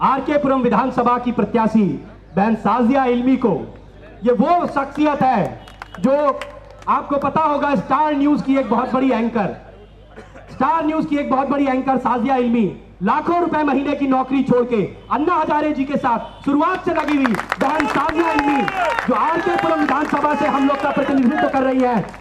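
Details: Adult man speaking; normal voice.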